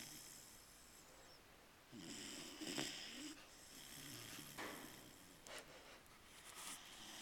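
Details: Snoring in a sleeping 4.5-month-old Newfoundland puppy: soft, irregular snoring breaths with snuffling and hissing noises over faint room noise.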